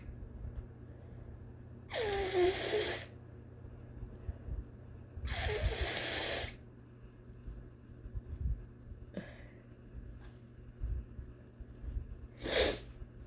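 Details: Long-standing cough the person calls allergy coughs, now worried it is more, possibly asthma, with asthma in family members: four separate bursts of harsh, noisy coughing over about 13 seconds against a quiet room hum.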